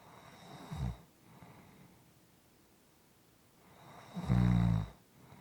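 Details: Soft, quiet snoring: two low, rumbling snores on inhaled breaths, the second louder and longer, with quiet pauses between them in a quiet room.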